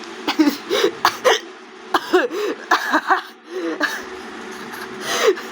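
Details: Hiccups while laughing during reading aloud: repeated sharp, abrupt voiced catches mixed with laughter.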